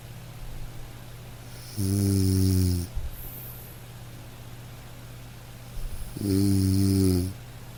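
Two loud, low rattling snores about four seconds apart over a steady background hum, each on an inward breath during sleep.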